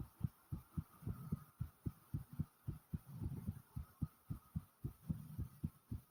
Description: I recorded my heartbeat after i had just got back from the store and boy is it pounding hard